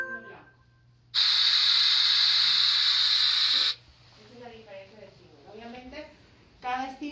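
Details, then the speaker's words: Audiometer white noise stimulus, a steady loud hiss under three seconds covering all frequencies, generally used for masking and some tinnitus evaluations. "el white noise que sería un ruido blanco que abarca todas las frecuencias"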